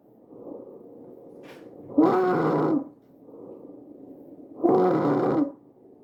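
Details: Tracheal stridor in a real patient, shown visualized.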